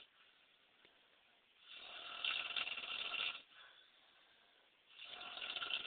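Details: Woman snoring at 3 a.m.: two loud, rasping breaths several seconds apart over quiet room noise; snoring.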